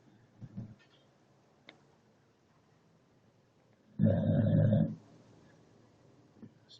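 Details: A single loud, low, rumbling snore of about one second, with quiet breath sounds before and after; snoring.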